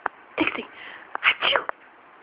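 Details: Dog sneezing while her owner urges her to sneeze: a few short, snorting sneeze bursts with quick sniffing clicks between them.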